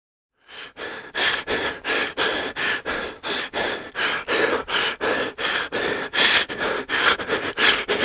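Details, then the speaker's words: Fast, harsh, effortful gasping breaths repeating steadily, heard during an asthma attack before a person uses an inhaler to relieve the symptoms. "what you just heard there was an asthma attack and a person using an inhaler to relieve their symptoms"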